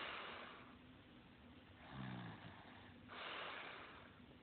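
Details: Sleeper: slow noisy breaths with a low rattling snore on one breath, over steady background hiss; snoring.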